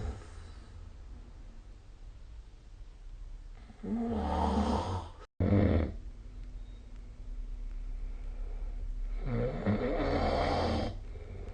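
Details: Snoring recorded with the SnoreLab smartphone app: loud, rough, rattling snores on breathing in, with quieter breathing between; ordinary snoring.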